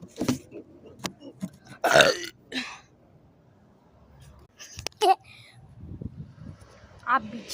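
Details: Voluntary burping competition: several loud, rumbling belches with brief speech between them.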